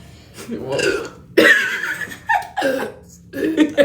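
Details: Boy chugging Sprite in a no-burping challenge: several short, throaty vocal bursts consistent with burping.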